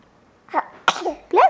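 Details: A 9-week-old red-haired baby weighing 12 pounds and 23 inches long, during laundry folding: a quick inward breath, then a sharp, explosive sneeze with a brief vocal sound after.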